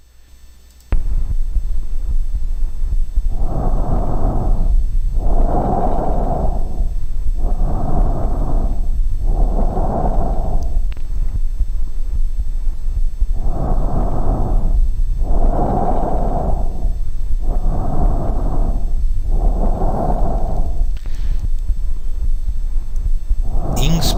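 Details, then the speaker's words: Loud, harsh, tube-like breath sounds heard over the neck, larynx and trachea just above the sternal notch, inspiration and expiration about equal with pauses between: normal tracheal breath sound. "o som traqueal como própria nome diz reflete sons gerados ao nível da traqueia e eles são percebidos na região cervical sobre a laringe sobre A traqueia e logo acima da fúrcula external"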